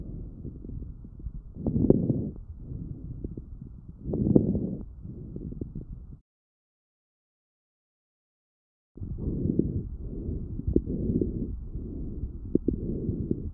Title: Lung sound fine crepitation #lunges #sound #finecrepitation #crepitation